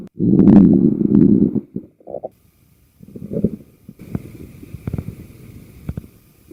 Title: My best stomach noises